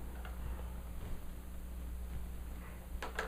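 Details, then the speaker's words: Imitated first heart sound (S1, mitral and tricuspid closure), made with a stethoscope held in a closed hand: a single small, subtle sound. "And this is S1. That's S1. Yeah, I know. One sound."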